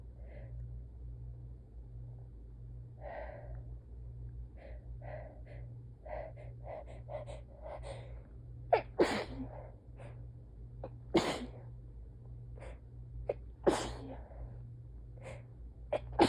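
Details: Messy, tired, itchy sneezing fit: gasping breaths building up, then a run of several wet, forceful sneezes close together over a steady low hum.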